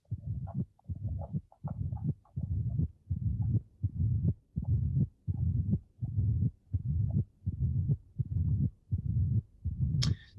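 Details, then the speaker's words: Mitral stenosis with flow increased by exercise, heart rate about 82 a minute: first sound, opening snap in diastole and a low-intensity, low-frequency rumbling murmur. "as i show you uh the the the finding of cardio consultation in mitral stenosis are characterized by a first sound an opening snap that deserved in diastole in the murmur that is low intensity low frequency murmur"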